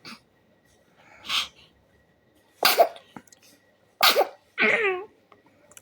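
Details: Several short, sharp, explosive sneezes, the last ending in a small voiced cry; the parent says she has also had a cough.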